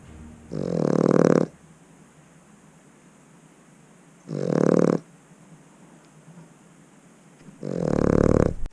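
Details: Snoring heard in the background on a narrowboat, described as usual: three loud, rough snoring breaths from a sleeping dog, about every three to four seconds, with quiet room noise between them.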